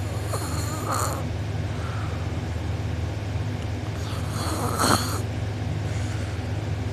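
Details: Heavy snoring from a sleeper who was out cold, recorded by a family member; mouth open and drooling, with a sore uvula and soft palate afterward. Two loud, rough, fluttering breaths about four seconds apart over low room hum.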